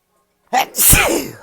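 A single sharp sneeze: brief indrawn breath, then an explosive hissing burst. An ordinary sneeze.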